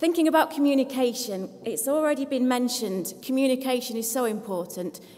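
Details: Adult woman speaking; no voice disorder.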